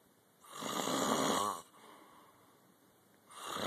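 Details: Adult man asleep on a couch: a single long, rough, rattling snore on an in-breath, then quiet breathing and the start of another; snoring.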